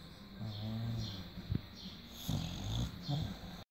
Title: British Bulldog Keiko Snoring